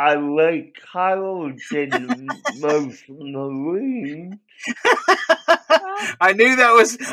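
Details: Dysarthric speech in an adult male with cerebral palsy, which he believes was caused by a drug overdose; the condition affected his voice, and he cannot walk and has muscle spasms.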